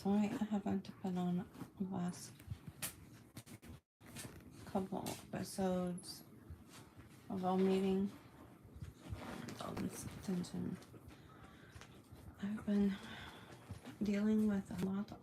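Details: Adult woman with functional neurological disorder during a day of worsening symptoms, reporting tremors and uncontrollable movement that began after eating; halting speech broken by pauses, word repetitions; functional speech disturbance.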